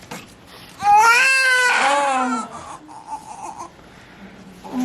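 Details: Baby girl born at 36 weeks in a hospital delivery under maternal epidural: a loud, clear, rising wail just after birth, then quieter fussing, with faint room noise; a healthy first newborn cry.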